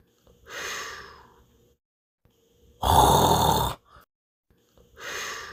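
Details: Dinosaur Minion imitation snore, not a real sleeper: a cartoon-style loud, rasping breath in between soft, whistling breaths out.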